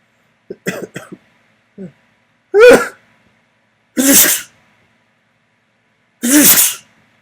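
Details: Adult deliberately sneezing onto a mirror: a few short breaths, then three forceful sneezes with sharp hissing bursts; ordinary sneezing.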